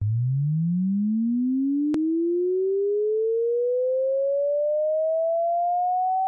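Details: Simulated tinnitus pitch-matching sweep: a steady pure tone gliding smoothly upward from 100 Hz toward 16,000 Hz, for matching the pitch of tonal tinnitus over headphones.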